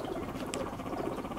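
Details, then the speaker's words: Guinea pig grinding/chattering its teeth in anger when a new guinea pig is introduced: quick, faint clicking teeth chattering, a warning sign. "なんか歯ぎしりの音が聞こえるなぁ蘭亭ちゃんがなんてちゃんの激しいしているのかなこれはラティちゃんが歯ぎしりしている珍しい"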